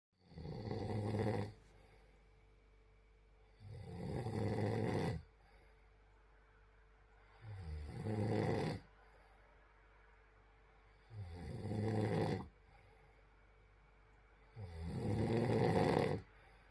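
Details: Loud rattling snores on each breath, five in about 17 seconds, roughly 18 a minute, with quiet gaps between; snoring.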